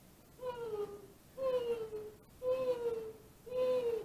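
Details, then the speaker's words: Four repeated high-pitched whistling tones, a vocal imitation of a wheeze: air forced through a very narrow airway passage, classically heard in asthmatics and usually heard over the lungs. "you'll also be Z this is the high pitch down that's going through its air trying to go through a very narrow passageway classically the asthmatics have it"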